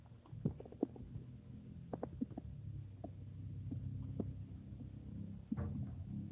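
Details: Stomach rumbling (borborygmi) recorded from own belly: soft low gurgles and rumbles with scattered small pops.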